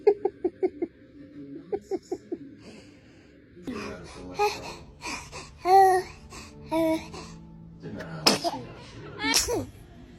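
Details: Rapid run of small sneezes from a young girl (daughter), a sneeze fit, followed by voices and laughter in a small room.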